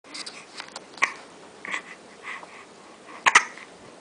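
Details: Hiccups: a few short, sharp bursts spaced irregularly over a few seconds in a quiet room.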